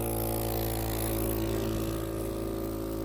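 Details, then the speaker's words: Home care suction unit with a sleeved suction catheter switched on before tracheostomy suctioning of a ventilated, medically complex child: steady motor hum with a rapid pulsing drone from the running suction machine motor. "Going to turn it on by hitting this power button."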